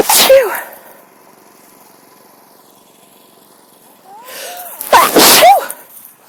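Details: Sneezing fit outdoors in a park on a sunny breezy day, person with a cold and suspected mild tree-pollen allergy (grass pollen worst); two forceful sneezes with a quiet gap, the second preceded by a sharp inward breath.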